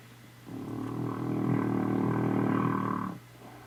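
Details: Annie snoring: a single long, rattling, buzzing breath lasting close to three seconds, with room hum behind it; a loud snore.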